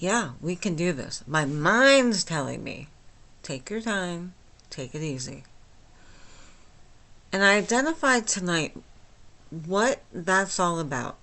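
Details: Flaccid dysarthria from myasthenia gravis since age 8 in a 49-year-old woman, speaking without her usual speech appliance, about two weeks after finishing Rituxan treatment; she says she is understandable but not perfectly.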